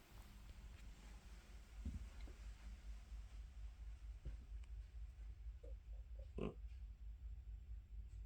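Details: Snoring from a sleeping cat that had been sneezing earlier.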